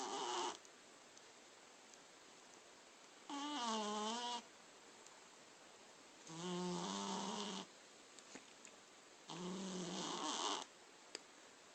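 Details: A sleeping cat snoring: three long, noisy breaths with a wavering voiced tone, each about a second long, spaced a few seconds apart.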